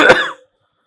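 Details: One short, harsh acted cough that fades quickly, in a promotional sketch for a cough remedy; a simulated cough.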